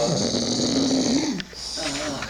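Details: Two people snoring, one of them heavily: a long, rough, droning snore on the in-breath, a brief pause, then the next snore starting, with room noise behind.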